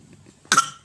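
A single short, sharp cough from a child against quiet background noise.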